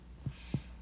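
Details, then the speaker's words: Abdominal percussion during a head-to-toe physical assessment: two short, low, flat taps without ringing resonance, the expected normal dullness over the spleen, a solid organ. "you should hear dullness over the solid organs and Tony over the air filled organs"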